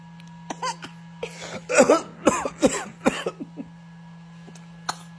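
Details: A baby girl fakes coughing to mimic her parents: a few short, forced voluntary coughs, not from illness.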